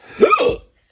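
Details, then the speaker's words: A single abrupt voiced gulp with a brief catch in the throat: a hiccup, one of a run of fast hiccups after eating very spicy Carolina Reaper seasoning. "hope y'all have enough hiccups hiccups oh yeah that's some fast hiccups"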